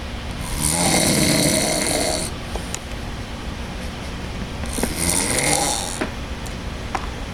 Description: My brother has a snoring problem